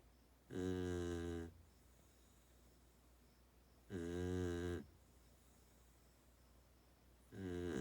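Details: Mini Australian Shepherd dog that snores loudly while sleeping; three loud, droning inspiratory snores about 18 a minute with quiet gaps between them.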